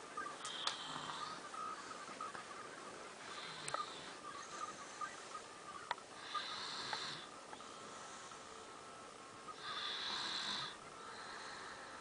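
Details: Soft, airy, whistling snore sounds recurring every few seconds over background hiss; light snoring.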